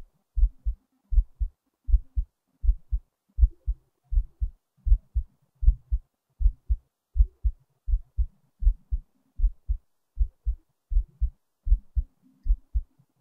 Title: another heartbeat recording